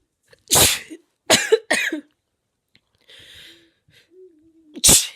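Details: About four explosive, breathy sneezes with short gaps and soft sounds between, from an adult woman with a cold after using chhinkni (herbal sneezing powder); baby noises in the background. Sneezing.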